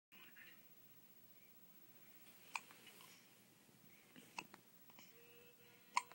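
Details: Infant daughter with hiccups after a feeding, as she gets after every feeding: a few short, sharp hiccup clicks a couple of seconds apart, with faint room sounds.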